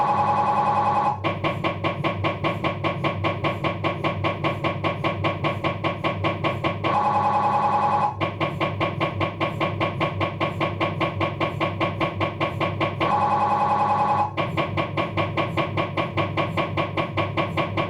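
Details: Abdominal MRI on a Philips 1.5T scanner: loud rapid mechanical knocking at about 150 a minute, broken by brief steady tonal buzzes every few seconds, MRI scanner noise, possibly a diffusion sequence.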